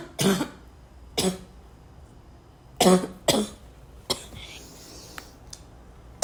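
Five or six harsh coughs spaced over several seconds, some in pairs, with a throat clear in a quiet room; repeated coughing.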